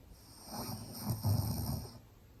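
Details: Maltese dog snoring with its eyes open: one low, rumbling snore lasting under two seconds, with a faint high hiss in the background.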